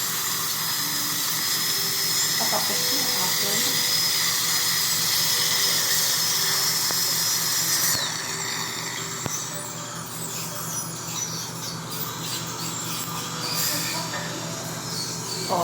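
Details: Steady high-pitched whine of a dental drill that changes pitch partway through, with faint talk. A child is having soft decay removed before medicine is placed, to avoid extraction; no anesthesia was used.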